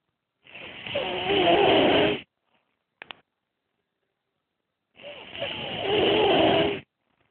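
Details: Napping subject making weird snoring noises: two long, hissing, whistling snores with silence between; unusual high-pitched snoring.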